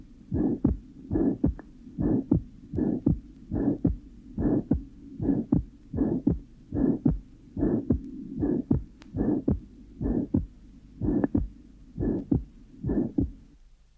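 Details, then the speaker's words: 13-year-old girl with a small ventricular septal defect (8% left-to-right shunt) and sinus arrhythmia: a short systolic murmur ends well before S2, which has normal intensity and splitting. "the systolic Mur can be heard to end well before the second heart sound which is normal in intensity and splitting"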